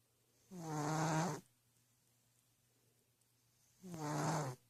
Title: The Original Snoring Cat video... Excuse the poor quality. #cat #cats #catshorts #funny